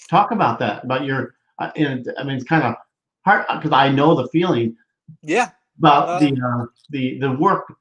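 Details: Adult male speaker; typical speech.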